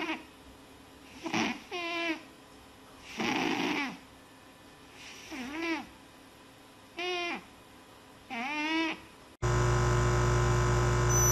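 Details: Rhythmic animal snoring: raspy breaths alternating with squeaky, whistling tones on each breath, cut off by a loud burst of other sound.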